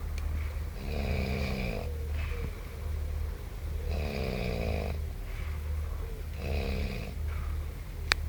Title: snoring tent clip